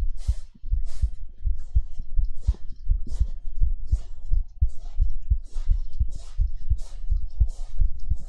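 Steady, regular low thumps in paired beats, about 86 a minute, with soft rustling noise over them: a heartbeat.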